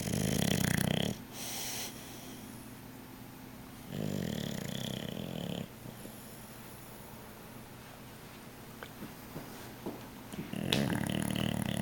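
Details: Dog sleeping on a couch: three rough, low, fluttering snores on the in-breaths, about five to six seconds apart, with quiet breathing between them; snoring.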